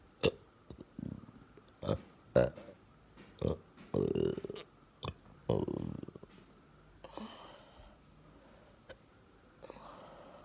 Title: Hiccups after breakfast